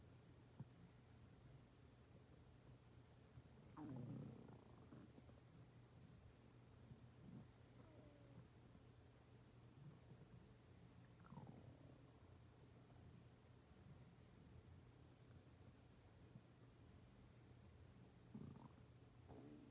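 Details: Stomach growling (borborygmi): low gurgling rumbles and brief squeaky, swooping bursts over a steady low hum.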